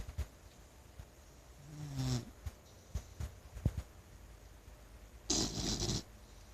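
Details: A short, soft snore, then a sharp, noisy nasal snort as a sleeping blue nose pit bull stirs on being woken; snorting.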